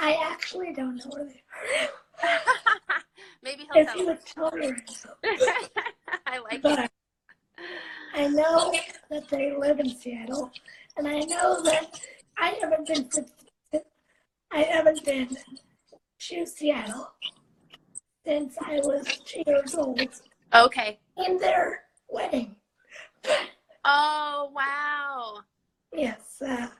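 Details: 17-year-old living with cerebral palsy, speaking spontaneously in a live interview; dysarthric speech (cerebral palsy).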